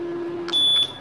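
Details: Chinese syringe (infusion) pump being demonstrated: a steady electronic tone, then a short high-pitched beep as the alarm button is pressed; syringe pump alarm beep.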